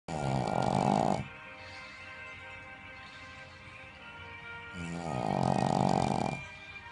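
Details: Two loud, fluttering snores from a sleeping female Shih Tzu, with music in the background.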